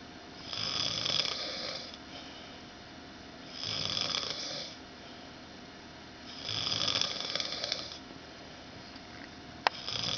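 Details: Loud, harsh, rattling snores about every three seconds with quiet gaps between, said to get worse as the night goes on; ordinary snoring.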